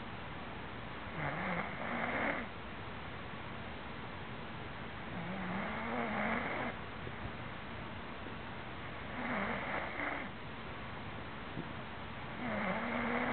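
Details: Adult man (boyfriend) asleep, with loud, rough snores on each breath in, about 18 a minute, and steady room noise between them: ordinary snoring.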